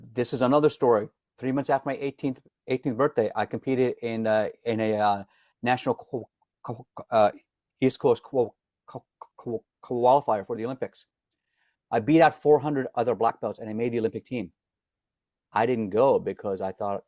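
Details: Adult man with lifelong stuttering who says he is disfluent every day and hides it when singing; word repetitions audible; stuttering.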